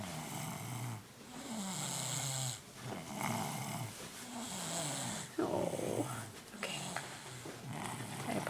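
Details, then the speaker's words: Elliott, an infant exhausted after a long day, asleep on his changing table, giving repeated low rattling snores with each breath over soft background noise; snoring. "this is elliot very very tired from a long day he fell asleep on his changing table and he's snoring"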